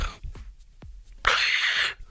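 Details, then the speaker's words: An adult man imitates his own sleep-apnea gasp: a short quiet pause, then one loud, harsh rush of air breathed in. A sleep study had found 48 oxygen-lack events per hour; gasping for air in sleep apnea. "so you gasp for air because you do stop breathing"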